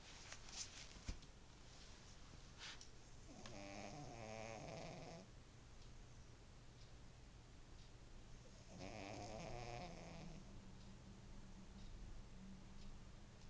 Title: snappie the snoring shih tzu